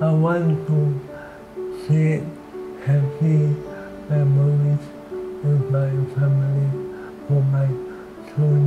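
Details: 38-year-old man diagnosed with amyotrophic lateral sclerosis, a progressive motor neuron disease; dysarthria in ALS.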